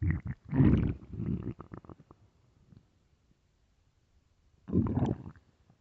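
Low, drawn-out rumbling growls in two bouts with a quiet gap between; ordinary stomach growling.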